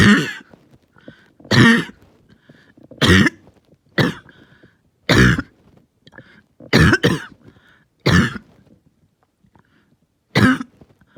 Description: This one hurt and lasted a long time, but I feel like I stayed pretty calm